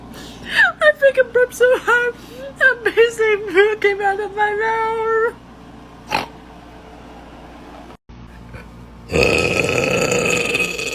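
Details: Deliberate burping from a burp compilation: a rapid run of short, voiced croaking bursts, then one long sustained belch, followed by a brief noisy rush.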